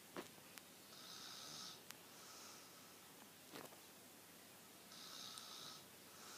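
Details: Person lightly snoring: soft, hissing, rhythmic breaths with a faint whistle, two breath cycles over quiet room hiss and occasional clicks.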